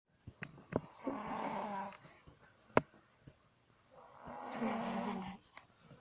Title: my sister snoring lol :)